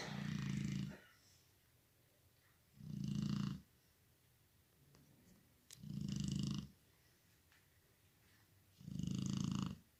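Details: Snoring of a sleeping female: four rough, low inspiratory snores about every three seconds.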